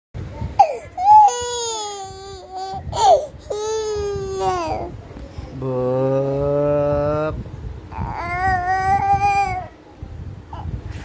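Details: A young child cries in repeated sustained wails with sobbing catches between them, in a small room with faint background noise.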